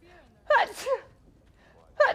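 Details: Female streamer sneezing rapidly: a voiced intake, then a sharp explosive sneeze with a second starting right after; rapid repeated sneezing.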